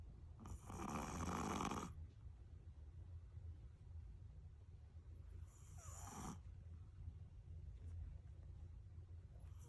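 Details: Small dog, possibly 8-year-old male Chihuahua–Shih Tzu mix or 5-year-old female Shih Tzu, sleeping on a futon, snoring softly on in-breath: two snores in ten seconds, steady low room hum.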